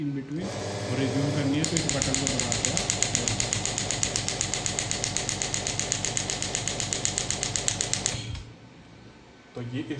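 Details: Biotronix radial extracorporeal pneumatic shockwave therapy device demonstrated at maximum intensity with shots counted: rapid, regular sharp clicking pulses, about four a second, for several seconds, then stopping.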